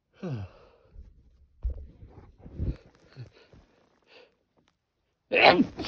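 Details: Sneezing through an N95 mask, triggered by the itchy nose pinch: muffled, soft sneezes with short breathy catches, then a louder final burst.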